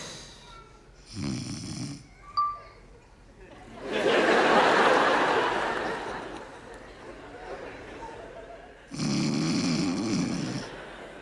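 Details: Acted comedy sketch, simulated: a wife claimed not to snore is filmed, giving a loud, long rattling snore between short bursts of voice and laughter; snoring.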